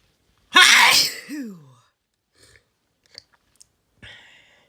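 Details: A single loud, explosive sneeze with a sharp intake and burst of air, followed by quiet small sounds. Sneezing.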